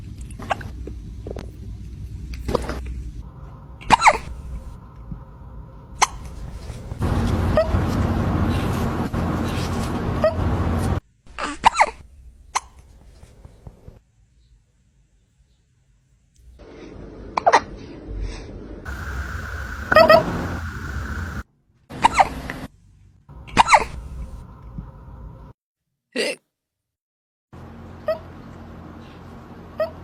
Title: Kitty's HILARIOUS Hiccups Caught on Camera?#funny #trendingshorts #prankvideo #funnyprank #usashorts